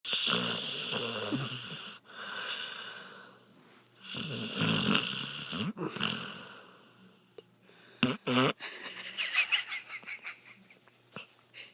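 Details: Dog held in owner's arms snoring: raspy, whistling snores with each breath, followed by snorting and fluttering breath sounds.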